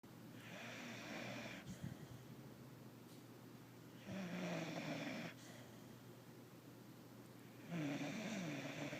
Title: Snoring little puppy